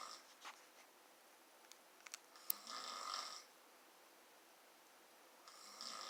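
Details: An adult woman (wife) snoring during sleep, with soft, breathy snores repeating about every three seconds in a quiet room.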